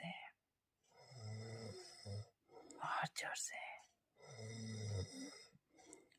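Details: Husband snoring at night: low fluttering snores on each in-breath with soft breathing between, a few seconds apart, in a quiet room.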